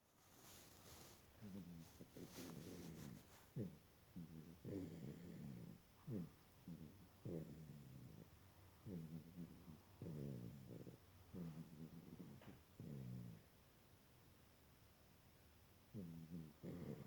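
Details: Soft, low, fluttering snores in quick, uneven bursts with snuffling between them, against steady background hiss.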